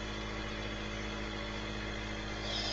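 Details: AMQ nebulizer compressor running during a young boy's breathing treatment: steady, droning motor hum without pauses.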